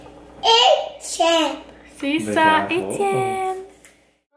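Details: Young French-speaking Québécois boy in speech therapy after a second evaluation appointment, with home practice; parent says he says words but not complete ones; he answers a question; speech delay.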